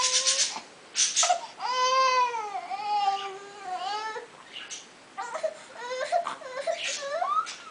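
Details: Hiccups and whining: high, wavering whiny cries with short sharp catches between them; an infant fussing and crying.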